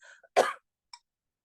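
A single short cough with throat clearing, an ordinary isolated cough.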